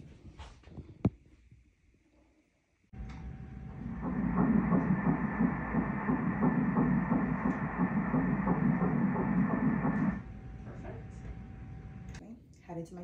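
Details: Fetal heartbeat on early pregnancy ultrasound at seven weeks four days: rapid, regular whooshing pulses at about 170 a minute over a low ultrasound hum.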